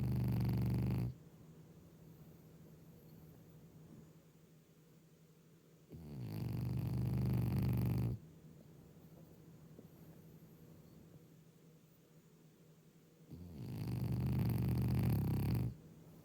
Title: Snore monster